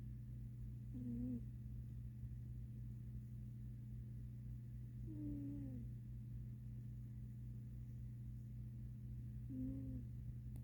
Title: my snoring kitty cat, Sadie